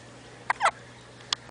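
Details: Infant's hiccups: two or three brief, sharp, gulping catches a fraction of a second apart over a steady hum.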